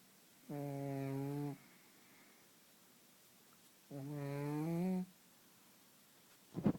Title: Pug snoring like a trucker